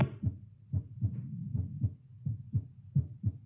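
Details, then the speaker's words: Normal heart sounds through a Littmann CORE stethoscope, self-recorded while doing 10 squats. Regular paired beats at about 80–85 per minute with some rubbing noise; the rate rises on standing, from about 78 at baseline toward 100–115. "I like how it sped up really fast. Like, as soon as I stood up, it went up to, like, 85, and then it was quick to go into 100."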